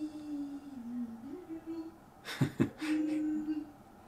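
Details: Autistic boy making humming and other sounds just outside a bedroom door; vocal stimming.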